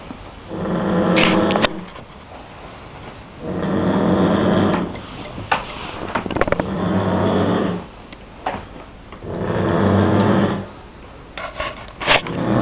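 Loud rattling snores on each breath in, about 20 a minute, with quieter breathing out between them: snoring.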